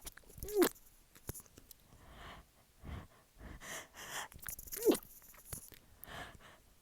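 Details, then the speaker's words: Sniffing and catchy breaths build to two sharp sneezes with snuffling between, set off by sniffing chhinkni snuff powder that feels stuck in the right nostril, leaving the nose tickly and stuffy. "Oh, it tickles so bad. And I sneeze so bad. But it's like stuck."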